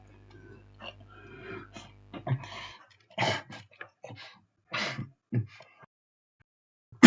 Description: Royalty free coughing sounds #coughing #sound #test